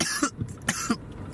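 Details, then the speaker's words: Two short, sharp adult coughs about half a second apart, each fading quickly; a positive Covid test came later. "getting sick yeah i'm coughing too"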